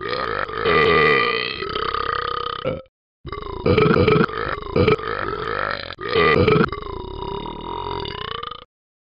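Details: Simulated burping from the Talking Ben dog app character: several long, loud, deep voiced belches with short gaps, not a real person.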